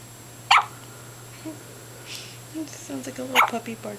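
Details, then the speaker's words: Daughter with hiccups that sound like a little puppy barking: two sharp, brief hiccup sounds about three seconds apart, faint voices and room hum. "just got the hiccups right now. That's so cute."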